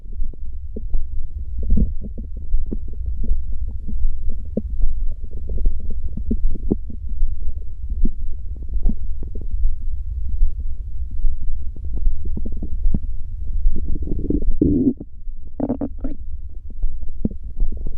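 Continuous low rumbling with irregular gurgles and squelches that keeps going without pause; stomach growling, ordinary bowel sounds.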